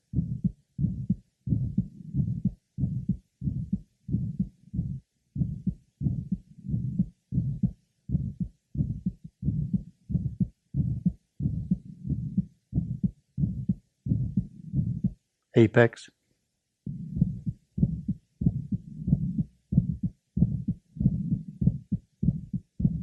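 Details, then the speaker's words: Six-year-old boy with significant aortic stenosis, stethoscope at the aortic area; aortic stenosis murmur. "now a six-year-old boy also having significant aoic nosis herotic area"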